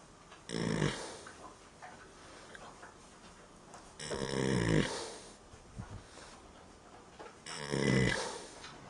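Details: Three deep, loud, rumbling snores from a horse sleeping in a barn, about 18 a minute, with quieter breathing between them, before it wakes.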